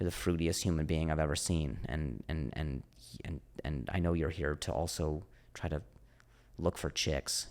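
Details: Stuttering in an adult man, a comedian known for his stutter, with audible word repetitions.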